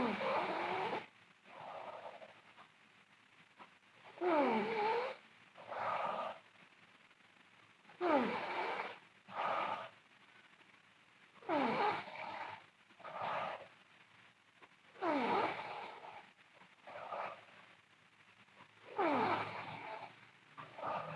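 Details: Loud snoring from a sleeping girl: rattling inspiratory snores alternating with softer expiratory sounds, about 8 breath cycles a minute.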